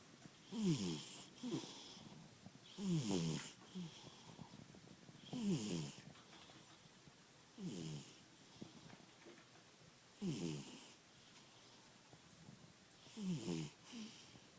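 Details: Cat snoring very loudly in sleep: rhythmic rattling snores with soft wheezy whistles, about six in fifteen seconds, in a quiet room; snoring.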